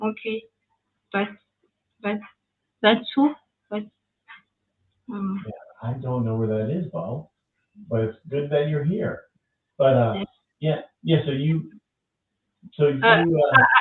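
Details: French woman with aphasia after an ischemic stroke at age 22 in July 2011; mute for 10 days, then a year of rehabilitation, still recovering speech; speaking English, a second language; post-stroke aphasia.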